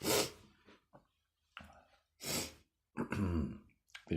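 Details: A few harsh, rough throat-clearing bursts with brief pauses in a quiet room; throat clearing.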